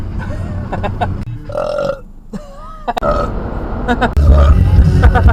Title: Time 4 Another Edition Of Burping While Driving!